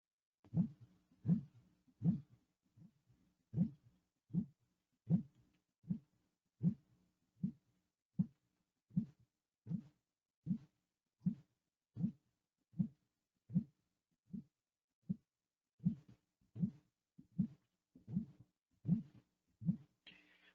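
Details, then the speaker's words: Pericardial friction rub played in a lecture: regular scratchy, grating sounds with each heartbeat, about 78 a minute, like scratching leather. It spans the cardiac cycle with systolic, diastolic and presystolic components. "de esa forma esa forma ese sonido es muy característico del frote pericárdico no tiene ese aspecto no de rascado como que algo está se está flexionando durante todo el ciclo cardiaco"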